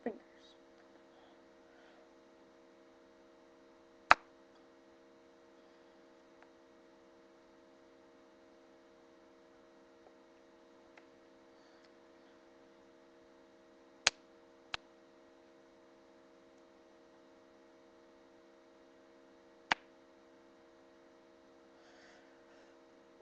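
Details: Deliberate self-cracking of the finger and wrist joints: four sharp, isolated pops over a quiet room hum, recorded with poor sound quality.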